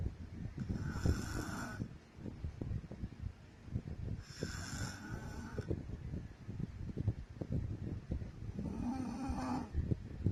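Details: Adult woman (wife) snoring during sleep, from old home recordings: three rough, rattling snores with inhaled breaths over about 10 seconds, roughly 18 breaths a minute, faint room noise; ordinary snoring.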